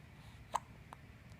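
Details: Hiccups: a single sharp, brief hiccup sound with a fainter second one after it, over quiet room noise.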